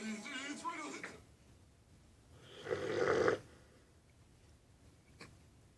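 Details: Female Cane Corso snoring while asleep after eating: one loud, rough, fluttering snore after a brief wavering sound; ordinary snoring.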